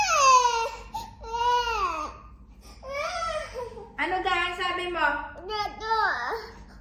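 A young child cries in drawn-out, wavering wails with catches between them, while an adult talks softly nearby in a small room.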